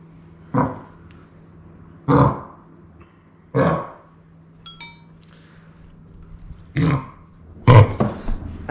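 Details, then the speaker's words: Yellow Labrador puppy, vaccinated against kennel cough, coughing at night (first mistaken for vomiting); vet diagnosed probable kennel cough, a contagious flu-like airway infection; repeated harsh honking coughs with short gaps. "the vet told us that it was probably coughing not vomiting this is something called kennel cough let's give to each other it's like flu it's like"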